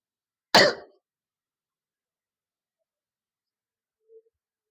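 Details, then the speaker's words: Cough sounds staged for a demonstration of filming and editing a cough video, with nasal sounds and throat clearing; simulated cough. "आज हम बनाएंगे खांसी का video."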